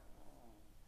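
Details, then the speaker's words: Faint, low rumbling breath noise from a sleeping dog near the microphone, heard as a soft snore. "he's got the little snore going on so if you hear it in my mic"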